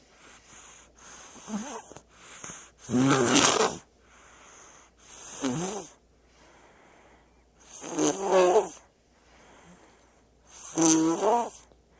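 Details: Baby snoring sound-effect recording: regular loud, fluttering snores with a tonal, whistly edge alternating with soft breaths.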